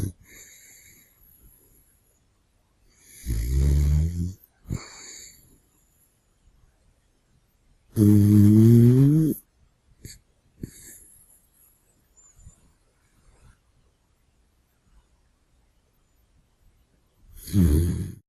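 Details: Sleeping dog snoring: loud, low, rattling snores every few seconds with quiet gaps between.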